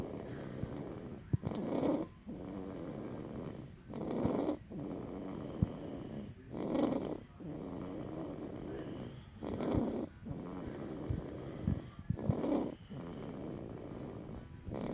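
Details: Person snoring: rhythmic, rasping snores on each in-breath, about 5 in 15 seconds, with quieter breathing between.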